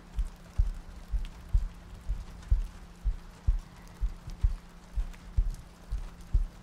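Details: ASMR sleep-aid loop of soft breathing, heartbeats and rain ambience: soft, regular low thuds at about 62 a minute over gentle rain-like hiss and faint hum; slow, even heartbeat.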